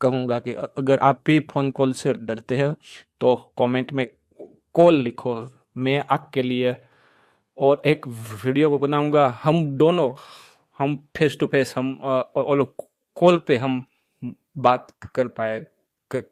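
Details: Man who says he stammers, speaking Hindi mixed with English, in a real personal account; stuttering.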